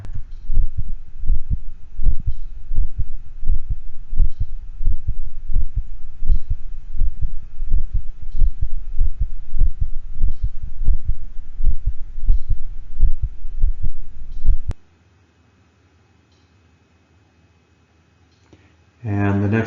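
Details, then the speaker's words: Split first heart sound (S1), a normal variation sometimes heard in large breed dogs. "let's talk about variations to normal harp sounds s1 and s2 this one is sometimes split in large breed dogs let's give a listen to that"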